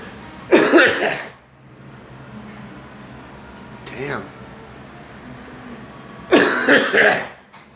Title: Girl and me coughing